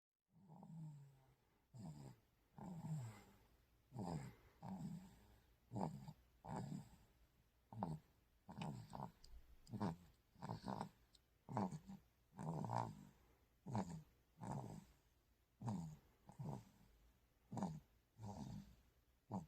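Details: Young child sleeping, rhythmic snoring with a low rattling snore on each breath, roughly 30 breaths a minute, fairly steady; snoring.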